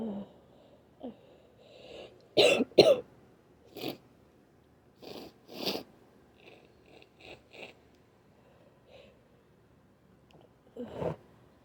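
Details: Trying to induce sneezes with wet, cloggy sniffles and groaning: several short, harsh coughs and throat-clearing bursts with congested sniffing between them in a quiet room.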